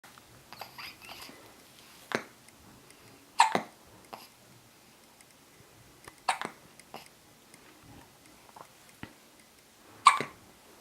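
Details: Infant with hiccups; brief, sharp, jerky breath catches every few seconds with small vocal sounds: hiccups.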